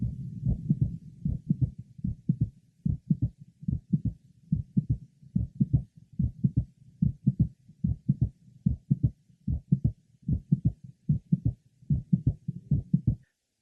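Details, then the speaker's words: Apex of a patient with mitral valve prolapse; regular rhythm about 74/min with a single mid-systolic click. "next we will listen to a series of patients who have mitral prolapse and have either a single systolic click or several clicks our first patient has a single mid systolic click"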